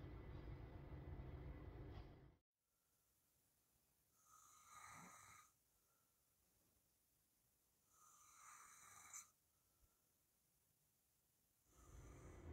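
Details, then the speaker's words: Adult man sleeping on his back after surgery for heavy snoring and sleep apnea: soft, even breaths at about 16 a minute, no loud snoring or pauses, normal sleep breathing. "Вы видите, как спокойно пациент спит на спине, обратите внимание. Казалось бы, это сон нормального человека, что же в этом особенного?"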